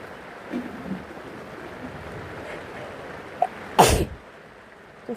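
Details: One loud, explosive sick sneeze after a faint catch of breath, over steady rain and room noise.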